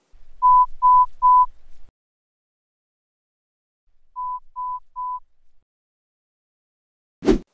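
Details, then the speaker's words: Two sets of three short steady beeps, the second quieter, then a tap: example pure-tone hearing test tones at different volumes and frequencies played through AirPods Pro 2, with the screen tapped on hearing the tones. "so this test is going to play these tones that are at different volume levels and frequencies"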